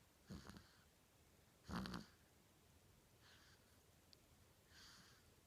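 Short, harsh nasal snorts and softer snuffling breaths in a quiet room; snorting snores.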